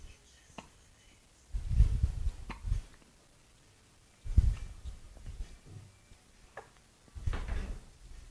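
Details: Delphine, a cat, having hiccups: quiet low thumping jerks recurring every few seconds in a quiet room.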